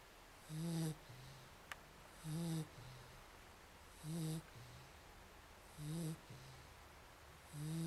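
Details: Snoring, getting louder as the snorer grows: regular low rumbling snores, about 34 a minute, each with a faint breathy hiss and quieter sounds between.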